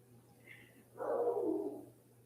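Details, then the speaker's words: An adult's stomach growling during a livestream: a faint high squeak, then a drawn-out, rising and falling gurgling rumble about a second long. "And if you can hear my stomach growling, that's confirmation."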